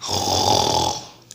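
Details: One harsh, rattling snore lasting about a second, with a low buzzing vibration and an airy hiss, then fading to quiet; snoring, discussed alongside sleep apnea.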